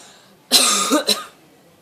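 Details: Parrot in Tsilivi, Zante copies human coughing after hearing tourists cough: harsh hissy cough-like burst with a short second catch; imitated cough.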